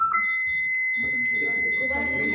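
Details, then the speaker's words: Steady high-pitched defibrillator charging tone before shock delivery for ventricular fibrillation during simulated cardiac arrest resuscitation training, with background talk; defibrillator charging tone. "यहां नहीं ये charge है। उई की sound कर रहा है तो चार्ज है।"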